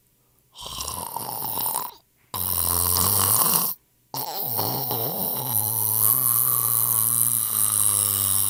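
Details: Snoring sound effect: three loud, rough, rattling breaths separated by brief silences, the last long and drawn out with a buzzing, vibrating tone, against faint hiss.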